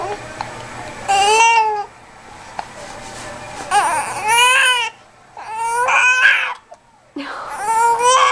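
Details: An infant with hiccups cries in several loud, strained bursts with short pauses between them, in a small room; infant cry.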